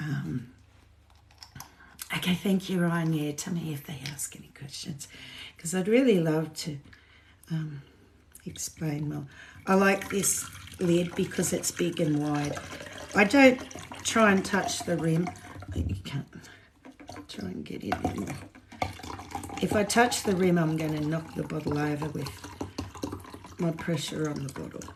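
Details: woman with essential tremor, tremor since childhood, shakier than usual and worse in voice after two days of alcohol with withdrawal shakes on top; voice tremor (essential tremor)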